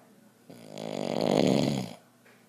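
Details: 55-year-old man who uses CPAP for obstructive sleep apnea, asleep during a TV show without it: one loud, rattling inhaled snore with a fluttering, snorting quality; loud snoring in obstructive sleep apnea.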